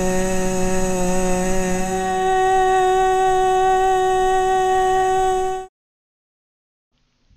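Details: Female soprano with left vocal fold polyp and associated hemorrhage, before surgery; dysphonia from vocal fold polyp with hemorrhage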